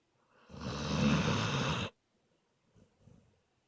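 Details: Aspen napping, snoring: one long, low, rumbling snore lasting over a second, followed by faint soft breaths.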